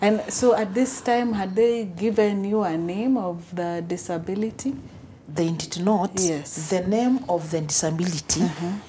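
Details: Adult woman; typical speech.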